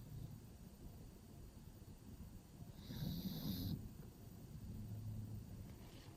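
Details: Pug sleeping in a cave-style pet bed, snoring: low, rough, irregular snoring breaths with a snorting noise.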